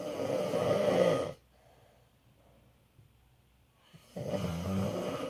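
Two loud, rough, rattling snores separated by a quiet pause of almost three seconds.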